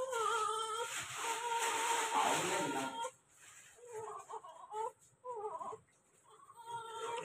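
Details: Newborn delivered by C-section, crying while being dressed for hospital discharge: short rhythmic cry bursts with pauses in a small room, an ordinary newborn cry.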